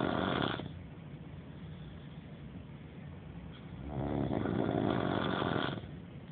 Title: Snoring (audio only to hide identity)